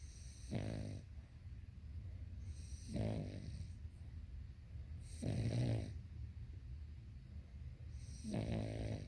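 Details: Sleeping dog snoring: four low, rattling snores on the in-breaths, about one every 2.5 seconds (about 24/min); ordinary snoring.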